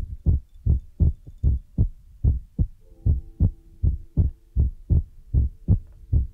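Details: Heartbeat sound used as an ASMR relaxation trigger: steady, low thumping beats at roughly 75–80 a minute, with a faint background hum.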